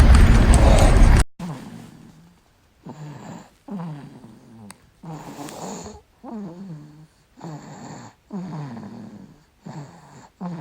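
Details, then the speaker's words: English bulldog snoring during sleep: after a loud burst of noise, regular short, throaty, fluttering snores at about 30 breaths a minute; the clip is said to be of Birdie but was actually Livvy snoring. "hey guys did you notice anything weird about that club of birdies snoring"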